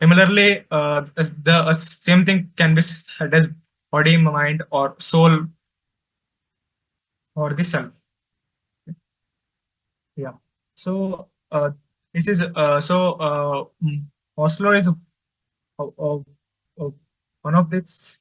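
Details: Adult male presenter from an Indian stammering association who stutters and reports difficulty speaking with different people; stuttering.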